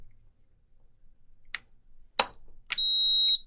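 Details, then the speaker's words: Newport HTC-70 ventilator switched on at its rear switch: a click, then a steady high electronic beep as the screen lights up; ventilator power-on beep, normal start-up tone. "you go and that beep and the screen starts to light up to let you know that it's on"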